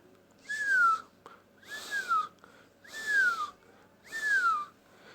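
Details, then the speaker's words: Four repeated high-pitched musical whistles with breathing, about 48 per minute; wheeze from increased airway resistance, as in bronchospasm. "Y por último tenemos la sibilancia, que esto es causado por un aumento en la resistencia, ¿no? En la vía aérea. Puede ser por un broncoespasmo y se suele escuchar así."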